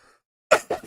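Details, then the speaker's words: An adult who is sick, with a hoarse voice, streams live and warns of coughing fits throughout: two short, harsh cough bursts after a brief quiet gap. Cough. "The lovely man is here with us by the way as well. I'm going to have coughing fits throughout the stream. Bear with us."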